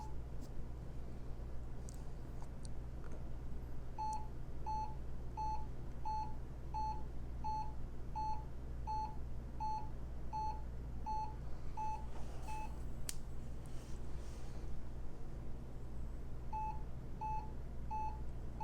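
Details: Hewlett Packard 43200MC military surplus cardiac monitor ECG connected, lead I/II; steady electronic beeps about 83 per minute marking heartbeats, brief pause midway, regular rhythm over faint hum.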